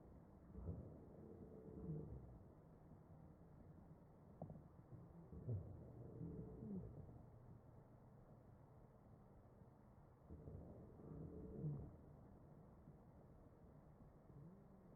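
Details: Real patient on a ventilator, chest auscultation with an AccurSound electronic stethoscope: ventilator-delivered breaths about 12 a minute, each carrying musical wheezes, a sign of narrowed airways; wheezing.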